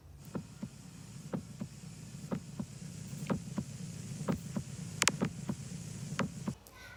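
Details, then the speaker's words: Normal S1 and S2 heard at the mitral area, fifth intercostal space, midclavicular line: steady paired heart sounds at about 60 beats a minute, with no extra sounds. "vamos a escuchar un R1 y r2 normal que se esculta en el área mitral en el quinto espacio intercostal en la línea medio"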